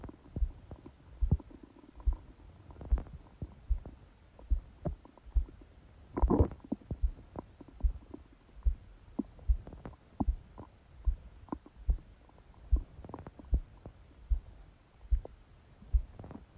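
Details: Bowel sounds with heartbeat, recorded by a phone held on the abdomen under a book during sleep: steady low thumps at about 74 a minute, heard loud possibly from the pressure, with a brief gurgling rumble.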